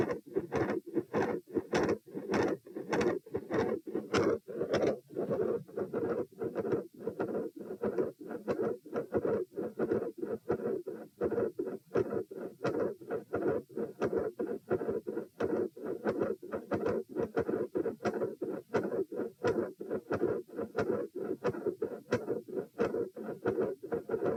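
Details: Stethoscope heart sounds at position P during a postural test (lying 78, sitting 84, standing 108, lying again 78 bpm): steady beats at about 90 a minute with scratchy contact noise; normal at the start.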